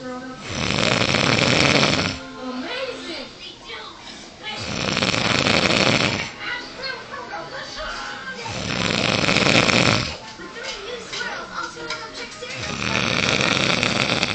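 Loud, harsh rattling snores on each in-breath, about four over fourteen seconds, with quieter breathing between; snoring.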